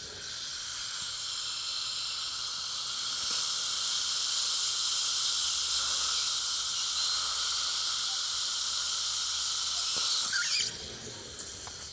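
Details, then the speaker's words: Surgical drill during live dental implant placement, after prior extraction and bone graft, patient awake: steady high-pitched hiss and whine with water spray during stepwise small pilot drilling of the implant site. "And so what we're doing is just doing a small pilot drill. We just kind of go step by step."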